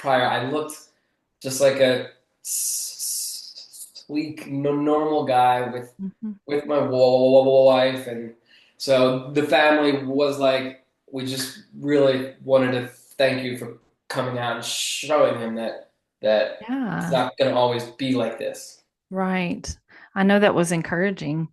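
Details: Adult male author who has stuttered since childhood and was bullied for it; he says the stutter is still audible; stuttering.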